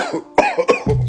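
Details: Two to three sharp acted coughs from an adult in a comedy skit set in 1893, with light room noise; simulated cough.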